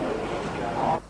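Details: Dysarthria from cerebral palsy present since birth in an adult man whose speech is hard to understand and who uses a text-to-speech computer; apparently his own natural speech.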